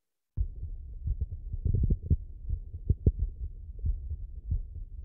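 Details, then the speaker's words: Echo Core 500 digital stethoscope at the mitral area (apex, fifth intercostal space, midclavicular line) during a nursing cardiac assessment: low, dull thumps; normal first and second heart sounds. "and the mitro valve located at the fifth intercostal space midclavicular line also known as the"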